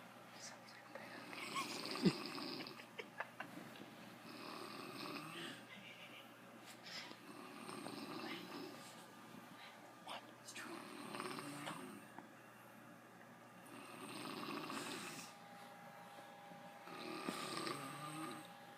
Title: My dad snoring